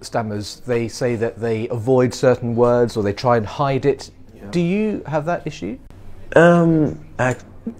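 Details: Adult male interviewer; normal fluent speech.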